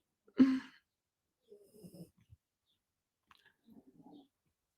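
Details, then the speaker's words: Sleeping dogs in a quiet room give a sharp snort followed by soft, rumbling snores in the background of a live talk; this is ordinary dog snoring. "just waiting for some more people to pop on my dogs are snoring around here"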